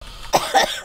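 Two quick, dry coughs in close succession, with faint room sound before them.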